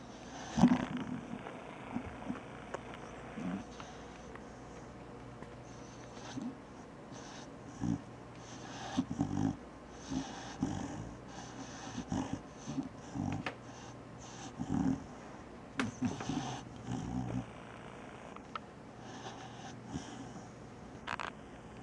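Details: Soft snoring from a sleeping puppy, with short low rumbling snorts recurring at a quick, fairly steady pace.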